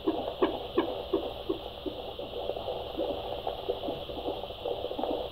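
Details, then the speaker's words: Fetal heartbeat at 34 weeks 4 days of pregnancy (baby boy) on Doppler at a prenatal checkup: fast, steady whooshing pulses at about 150 beats per minute, head engaged, baby moving a little; normal fetal heartbeat. "Mooi. 150 slagen per minuut ongeveer. Oké. Perfect."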